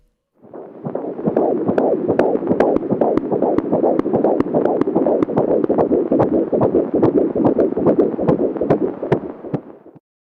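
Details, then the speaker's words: Fetal heart sounds at 16 weeks of pregnancy on a handheld fetal Doppler: rapid whooshing heartbeat near 146 a minute, with sharper clicks from the baby's heart valves opening and closing. "some fetal heart sounds at 16 weeks the sharper sounds are the baby's heart valves already opening and closing"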